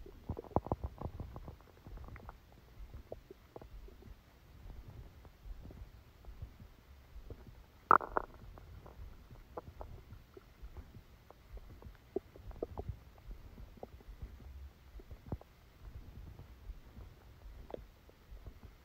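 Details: Scattered gurgles, pops and low rumbles with one louder squelch midway: active bowel sounds (stomach rumbling) during a stomachache after Christmas dinner, recorded while the person was sleeping.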